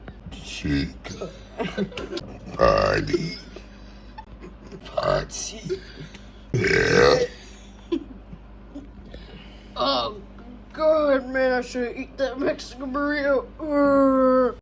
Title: Toy Freddy burping